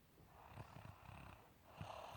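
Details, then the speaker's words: Snoring from a person asleep in a sprawled position, tired at the end of the day: soft, low rattling snores with rhythmic breathing during sleep. "Günün yorgunluğunu atmaya çalışıyor şu anda. Bakın, horlama sesini dinleyin, dinleyin."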